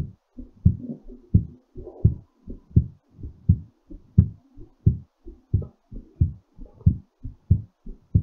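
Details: Strong, fairly fast low thumps at about 87 a minute, somewhat uneven in spacing, settling during recovery; normal heartbeat after exercise.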